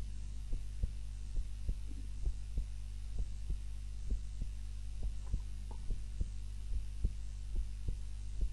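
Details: Own heart sounds recorded on a timer while napping, lying on the back (supine) rather than the usual face-down position: regular soft thumping heartbeat, about 70 a minute, over a steady low hum; normal heart sounds.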